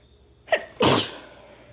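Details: Female sneezing: a short indrawn breath, then a single sharp, explosive burst of air in a quiet room.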